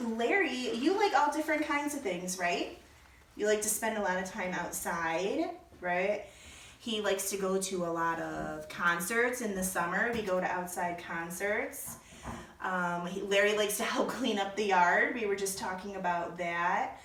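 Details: Adult woman speaking; Typical adult speech.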